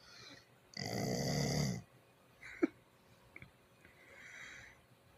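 One loud, rough snore lasting about a second, followed by quieter snuffling breaths; dog snoring.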